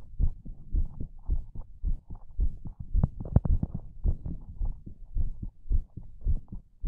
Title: ASMR HEARTBEAT